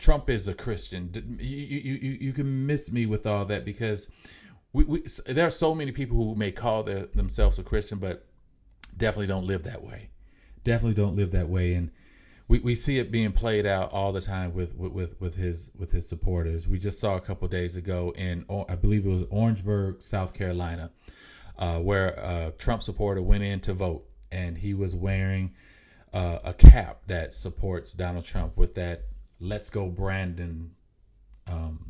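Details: Mild, self-reported stuttering in an adult male podcast host; stuttering.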